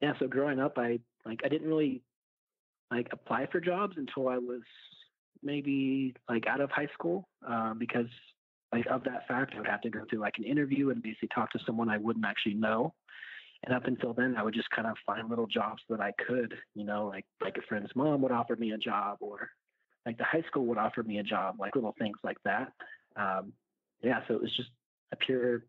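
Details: 36-year-old man who has stuttered since age 5 (about 31 years); blocks now mostly silent, with mouth opening and freezing or jaw opening and closing; family history of milder stuttering; stuttering.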